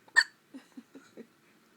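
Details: A newborn only a couple of days old, in hospital, gives a run of brief, soft, loud-seeming hiccups in quick succession.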